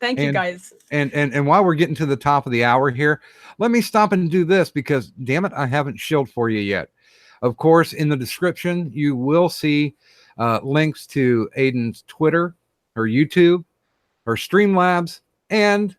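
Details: Adult man speaking; ordinary speech.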